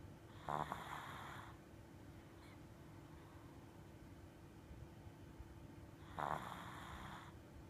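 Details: Sleeping shih tzu–poodle mix dog: two brief snorting snores about six seconds apart against a steady background hum.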